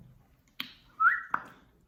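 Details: 18-year-old woman with Tourette syndrome she calls severe and limiting, also has OCD and anxiety: a sudden short whistle bracketed by clicks, a simple vocal tic.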